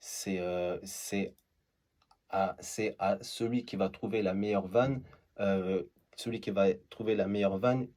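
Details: Adult male who stutters; stuttering.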